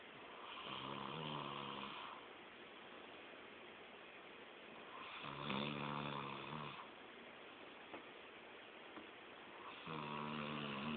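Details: Adult man who passed out asleep at a friend's, snoring like a chainsaw: three loud, rough, rattling snores on the in-breath about 5 seconds apart, quiet breathing between; snoring.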